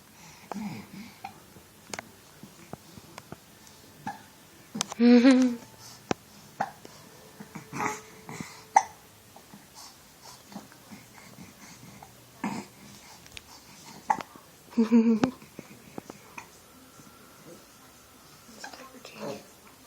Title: Hiccups!